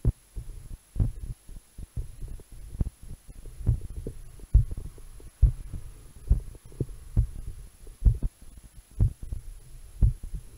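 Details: Normal heartbeat recorded through a homemade electronic stethoscope, an analogue stethoscope with a lavalier mic in the tubing, diaphragm on own chest over heart: steady low thumps at about 68 a minute, faint electrical hum.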